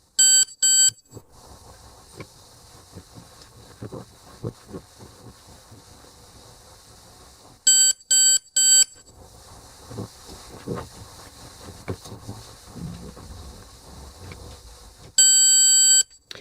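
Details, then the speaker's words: MobileODT ThermoGlide thermocoagulator treating a cervical precancerous lesion: short beeps at intervals over a quiet hiss as the heated probe treats tissue, ending in a longer beep marking treatment complete. "With that longer beep, the treatment is now complete."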